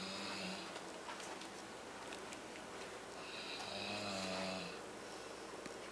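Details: Man snoring heavily in sleep: two long, rough, droning breaths, each with a buzzing rattle, over steady room noise.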